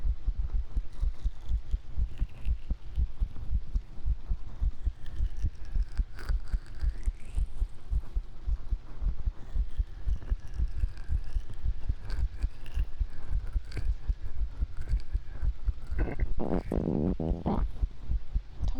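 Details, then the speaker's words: Steady low heartbeat through a chest microphone during an ASMR stream, with a brief gurgling stomach rumble near the end, attributed to digesting a sandwich; bowel sounds. "was my stomach making a noise. I think I'm digesting the sandwich."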